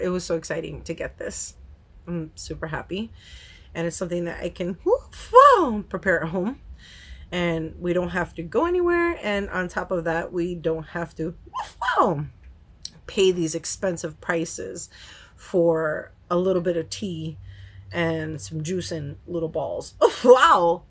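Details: Woman with Tourette syndrome whose tics are flaring and hard to control, especially on camera; she has vocal outbursts and swearing tics and has not yet started new medication. Vocal tics (Tourette syndrome).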